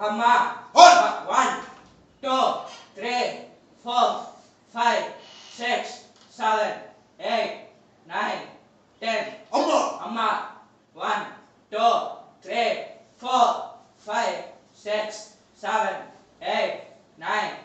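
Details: Young man with puberphonia, a high-pitched voice for 2 years identified by pitch analyzer, counting and saying 'hamma' during a treatment session to lower pitch; 3 days of treatment and 21 days of practice follow.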